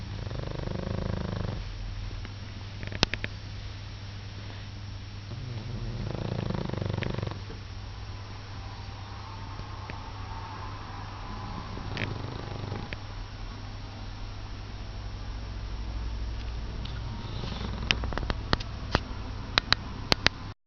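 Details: Dog sleeping; soft, low, rumbling snores every few seconds with a few light clicks near the end.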